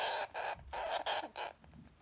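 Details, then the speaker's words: A male Syrian hamster gives a run of harsh, high-pitched screeching squeals; the owner attributes the screaming to anger issues (aggression). "so you watch the video and yeah he has some issues but the solution for my hamster was he had anger issues"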